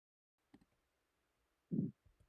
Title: Pulsatile Tinnitus & Ear Clicking Sound Replication & Sharing